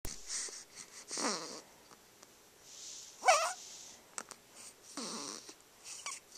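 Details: Sleeping dog snoring: soft snorting snores with high whistling, squeaky breaths on some breaths and quiet pauses between.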